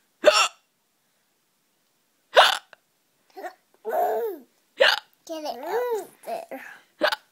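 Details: 9-month-old baby boy with hiccups: sharp, abrupt voiced catches recurring between bouts of laughter and babble.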